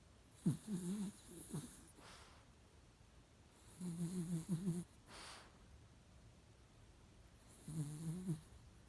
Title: Babygirl Polly have a nice sleep with snoring 😆